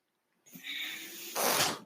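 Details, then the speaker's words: Real recording: the speaker's own mechanical ventilator heard as he talks, delivering one breath: a steady airy hiss, then a louder rushing puff of air. Mechanical ventilator sound. "name is that noise you hear he's my ventilator"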